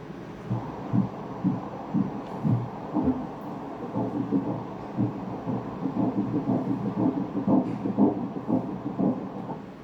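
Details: Ultrasound Doppler at a pregnancy check, about six weeks one day, early embryo about 3 mm: rhythmic whooshing pulses about 120 per minute, the early fetal heartbeat.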